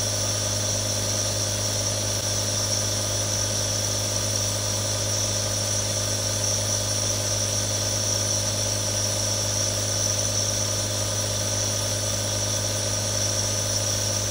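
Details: Three different nebulizers running for relaxation ASMR, real recording: continuous steady mechanical compressor hum with hissing aerosol airflow, running normally; nebulizer running.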